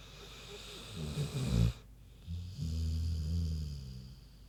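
A sleeping pig's low, grunting snore: a short snort followed by a long, rumbling breath.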